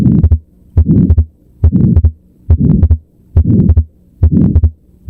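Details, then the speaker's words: Fixed split S2 of atrial septal defect heard at the left upper sternal border: regular heartbeat near 70 a minute, S2 widely split and unchanged with inspiration and expiration. "And the answer is atrial septal defect. The legendary fixed split S2."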